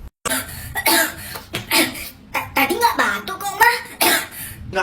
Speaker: nah aku mau beli es krim ya beli es krim kan kamu batuk tuh kan bener batuk